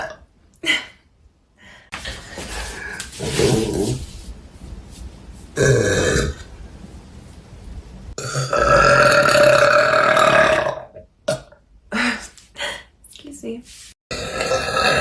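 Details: Woman burping compilation: several loud, prolonged, voiced belches with short gaps between them, some deep and rumbling; repeated burping.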